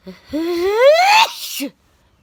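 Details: A single daytime sneeze: a brief inhaled catch rising into a loud, high, voiced burst, then a short trailing sound.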